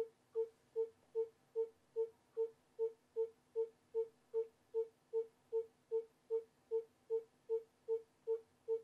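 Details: Simulated fetal heart monitor in an obstetric simulation: steady, regular pulsing tones at about 150 per minute, a normal fetal heart rate.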